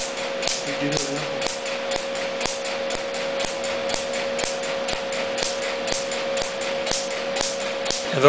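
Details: Q-switched laser tattoo removal on a large black tattoo (black responds best to laser; cleared without scarring after 5 sessions): regular sharp snapping clicks about twice a second over a steady hum, laser pulses.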